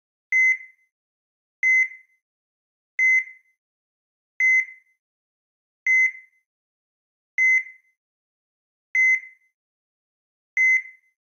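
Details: Steady high electronic beeps at about 41 a minute from a simulated cardiac monitor tracking the heartbeat.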